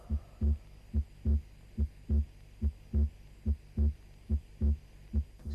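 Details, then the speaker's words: Split second heart sound on stethoscope, regular at about 71 a minute, S2 in two close, equally loud parts; described as seen with atrial septal defect (fixed with respiration) or in young people. "S2 ini adalah suara jantung dua yang terpecah sama keras dan mempunyai jarak yang tidak begitu jauh"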